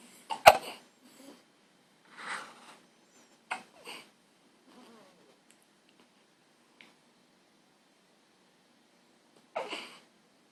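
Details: A young child's hiccups after waking in the morning: short, sharp, catching sounds every second or two in a quiet room, with softer breaths between.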